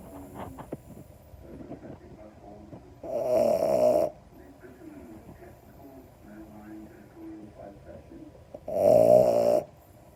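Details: French Bulldog puppy, a brachycephalic breed, asleep during a nap: two loud, rattling snores about six seconds apart, with quiet breathing and faint room sounds between; snoring.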